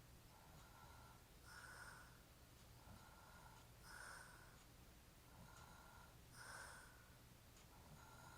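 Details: Rough, rattling breaths about 25 times a minute with louder snorting on some inhalations; snoring during sleep in a man described as drunk.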